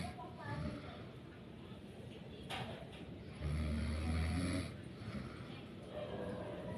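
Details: Single low, rumbling snore of about a second from a tired sleeping adult, over a steady hum of room noise; snoring.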